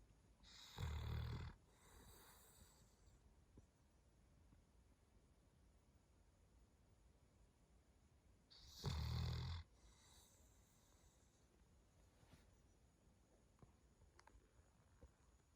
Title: Snoring Dog. #cavalierkingcharlesspaniel #snoring